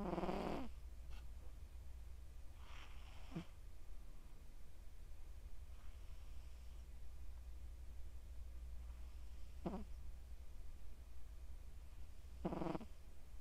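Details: Soft snoring breaths about every three seconds, roughly 20 a minute, over a steady low hum from a sleeping male Scottish Straight cat born July 2020; snoring.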